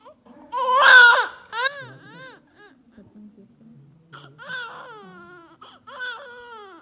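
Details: Baby during a doctor's stethoscope chest check: short bursts of infant crying and whimpering with pauses between; an ordinary baby cry.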